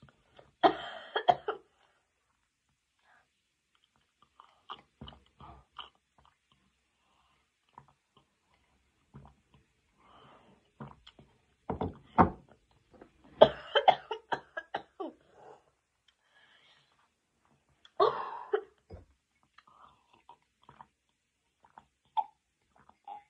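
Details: Scattered harsh bursts of coughing and throat-clearing from a person after eating a very hot chili pepper; irritant-induced cough.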